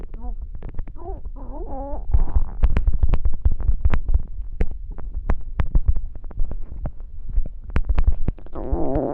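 Loud gurgling and rumbling with rapid pops and short squealing tones; stomach growling, ordinary bowel sounds of hunger.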